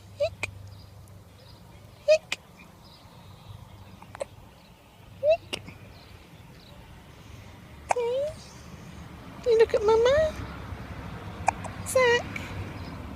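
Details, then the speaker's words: One-week-old baby boy: short, abrupt hiccup sounds every two seconds or so against outdoor background noise, followed by a few squeals and vocal sounds; repeated hiccups. "Hiccups. You're very cute, my boy."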